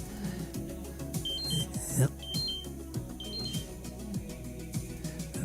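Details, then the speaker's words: Repeated high-pitched electronic beeps over music and voice: a glucose monitor high alarm, blood sugar over 300 after eating seven oatmeal raisin cookies for breakfast. "alarm for my blood sugars. I had uh seven oatmeal raisin cookies this morning for breakfast and it's thrown my blood sugar up over 300."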